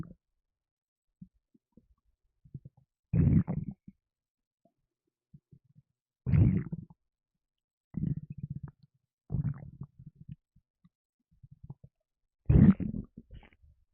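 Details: Five low, gurgling rumbles at irregular intervals, trailing off in bubbly crackles, in near silence, from a gassy person after lemonade; stomach and bowel rumbling.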